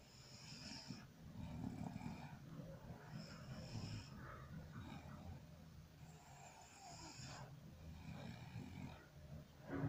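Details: Low, rumbling, irregular snoring from a sleeping dog, with soft airy hisses between the snores.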